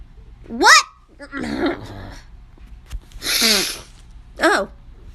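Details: Several separate sneezes, some with a high voiced 'achoo' and one longer and breathier, with faint background noise; compilation of sneezes collected from TikTok.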